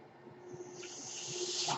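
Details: Podcast host's own mechanical ventilator heard while he speaks: a steady low hum with a rising rush of airy hiss as the ventilator delivers a breath.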